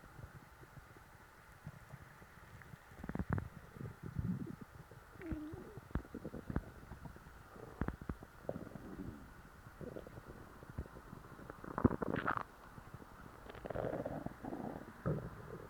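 Irregular low gurgles and rumbles with brief squeaky bubbling over quiet background; ordinary stomach growling from active bowel sounds.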